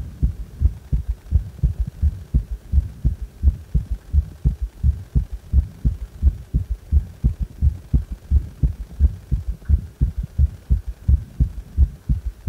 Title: ３音強めな心臓音